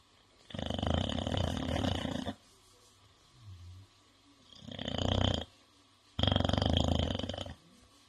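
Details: English bulldog sleeping: three long, loud, rattling snoring breaths with quiet pauses between; snoring.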